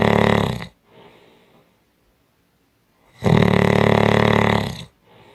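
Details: Strong snoring: loud, harsh, rattling snores on breathing in, with quieter breaths out between them; heavy snoring.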